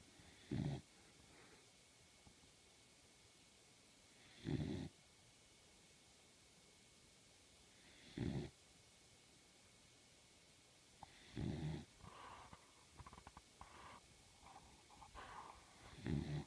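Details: A sleepy, comfortable pup gives brief low snorting snores separated by quiet pauses, then a run of shorter snuffling breaths; snoring.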